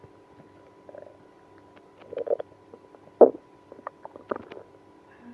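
Scattered gurgling and rumbling bursts in a quiet room: active bowel sounds, stomach growling.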